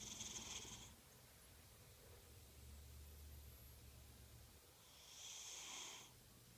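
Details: Gentle snoring: soft hissing breaths about five seconds apart, with a low rumble in the pause between them, in a quiet room.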